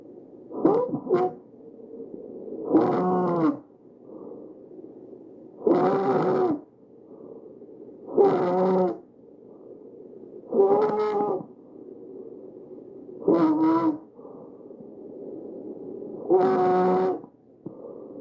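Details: Tracheal stridor recorded from a real patient with the AccurSound electronic stethoscope: harsh, loud, musical breathing sounds from a narrowed central airway.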